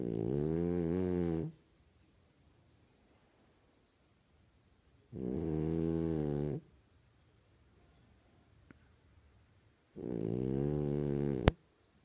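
Loud, rumbling snores on each breath in, about every five seconds, roughly 13 a minute, with silent pauses between; snoring from a flat-faced dog.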